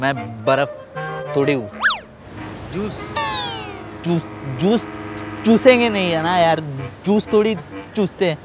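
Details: Imitated stuttering with whole-word repetitions, deliberately acted by a prankster in a street prank; not a real disorder.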